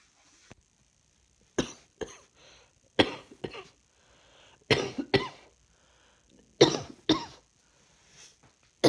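About ten coughs, mostly in pairs, harsh and fairly dry, with a faint high whine in the background; repeated coughing.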